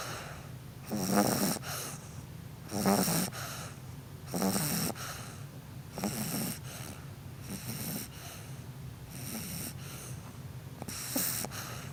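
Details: Rhythmic, rattling snorts from a sleeping bulldog, one every one and a half to two seconds, with a quieter breathy phase between; snoring.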